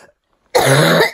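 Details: Adult with a tickly cough lasting 4 weeks despite many home remedies and medications, giving a single harsh, voiced cough or throat-clearing burst to scratch the tickle; persistent cough.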